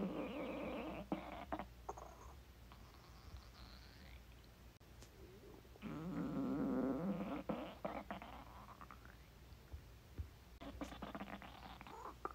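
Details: Noisy stomach growling recorded while trying to capture hunger sounds, described as digestion sounds; bowel sounds (borborygmi).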